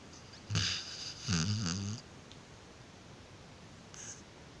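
Two low rumbling snore-like breaths with a faint nasal whistle from a sleeping dog; ordinary snoring.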